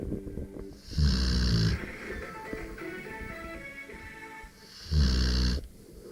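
Two loud, deep, rattling inhaled snores, pig-like in tone, with music playing in the background; snoring from a sleeping dog.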